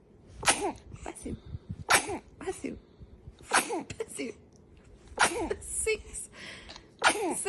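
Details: Baby boy, said not to be allergic to the dog, has a sneezing fit: a quick run of about five sharp, breathy sneezes with soft sounds between, laughter after.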